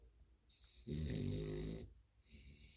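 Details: Sleeping, dreaming dog: one long, deep, rumbling breath through the nose, then quiet breathing; snoring.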